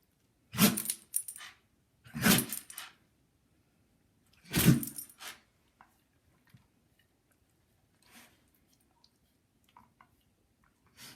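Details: A dog sneezes with no known cause (idiopathic): three sharp, explosive nasal bursts in quick succession, then softer snorts in a quiet room.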